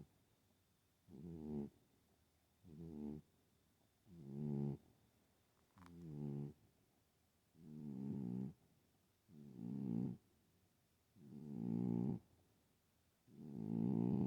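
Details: Loud snoring in a sleeping cat, known to snore but not usually like this: regular, rattling, vibrating snores at about 14 breaths a minute.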